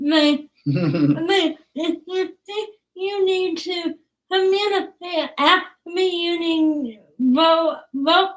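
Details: Woman about to turn 20 with cerebral palsy, speech difficult to understand, father notes trouble with plosive sounds such as p and b; dysarthria (cerebral palsy).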